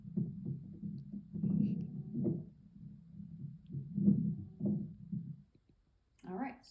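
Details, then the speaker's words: Musical, whistling tones run through repeated breaths in the chest: wheezing from narrowed airways in bronchoconstriction such as asthma. "and then next we're going to listen to wheezing and wheezing is more likely to happen in times of Bronco constriction such as asthma"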